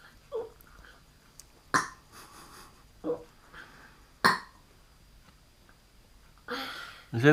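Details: Several short, abrupt burps between quiet voices in a small room: belching, air brought up from the stomach.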